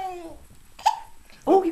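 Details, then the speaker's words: Baby girl's hiccups, set off while her grandpa made her laugh: her voice trails off, then a sharp hiccup catches, followed by a short vocal sound. "the hiccups Grandpa gave you the hiccups"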